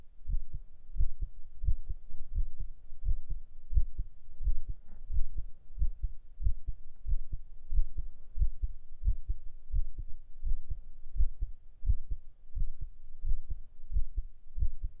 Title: 【ASMR/Binaural】heart sound & relaxing for Sleeping,Working,etc...9【心音・安眠睡眠作業用など】